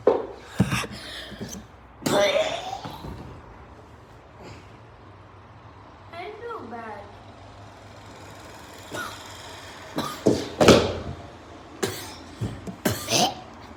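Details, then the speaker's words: A child acts out a string of short, harsh, repeated coughs with brief gaps between them, simulated. Repeated cough. "Here's one when you keep coughing. It's pretty bad and you want one."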